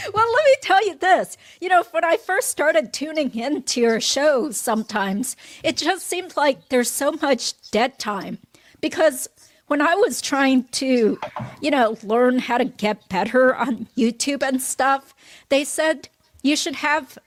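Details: Adult woman speaking; normal fluent speech.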